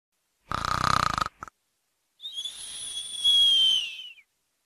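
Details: Stylised, copyright-free snoring sound effect: one fluttering, rattling snore on the in-breath, then a long, high whistle on the out-breath.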